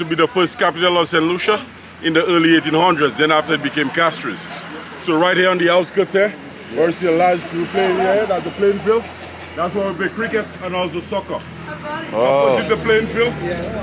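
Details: Adult speaker; Normal speech.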